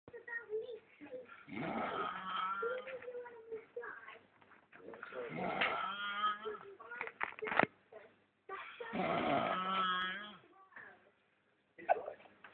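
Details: A sleeping person gives three loud, raspy, vibrating snores a few seconds apart, with short snorts between them.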